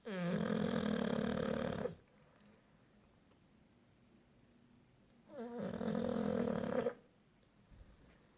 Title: Snoring punch